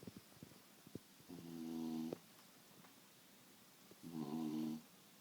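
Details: Beagle snoring at night, loud enough to keep the household cat awake: two drawn-out, buzzing tones a few seconds apart, soft clicks between; snoring in a sleeping dog.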